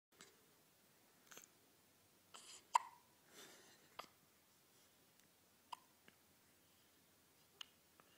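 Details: Newborn baby on day 4 of life, first episode of hiccups, in the morning: soft, brief, clicking gulps recurring irregularly, a little over once a second, in a quiet room; hiccups.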